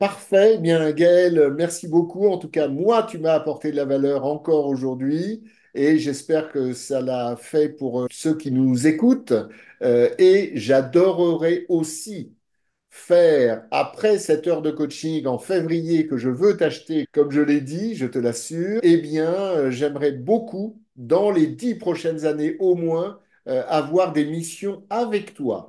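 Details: Adult male speaker; typical speech.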